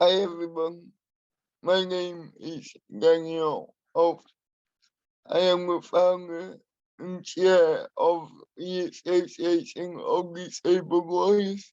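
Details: Adult man with spastic and dyskinetic cerebral palsy who uses a wheelchair; he has a speech impairment that he has worked to minimise and still practises; dysarthria.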